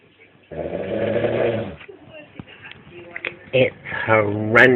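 Loud, rattling, fluttering snores with a low rough buzz on the breath, separated by quieter breathing.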